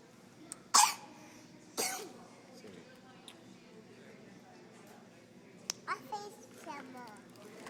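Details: Two sharp, harsh cough bursts from an adult in an emergency room, with faint background voices and room noise.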